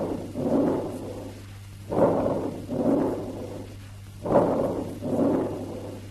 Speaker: Note that though expiration is prolonged and longer than inspiration, its rustling character is maintained.